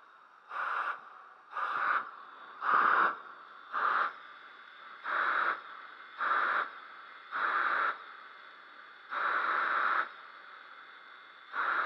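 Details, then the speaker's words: Homemade DIY breath-assist ventilator built from a quadcopter motor, Arduino and MAP pressure sensor: repeated whooshing motor-driven airflow bursts, about 26 a minute with uneven timing. "doctors explained that first mode is unusable if patient is not heavily sedated so in most cases breath assist is much more preferable which means device has to detect when patient is trying to breathing and push air into his lungs"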